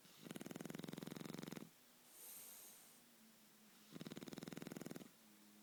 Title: Neska The Shar Pei - Snoring